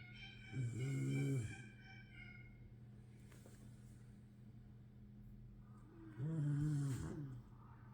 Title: Мопс устал и похрапывает / Tired Pug is sleping and snoring